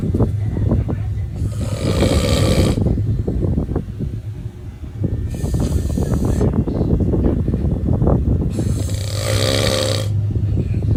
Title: snoring 😴 😂